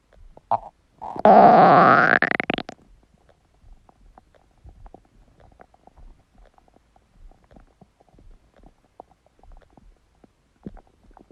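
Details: Empty-stomach growling: a loud, drawn-out growl rising in pitch, then faint gurgles; normal borborygmi.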